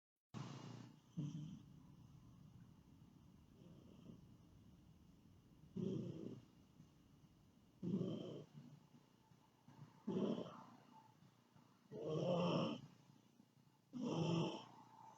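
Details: Snoring while asleep: repeated low, rattling snores roughly every two seconds, about seven in fifteen seconds; snoring.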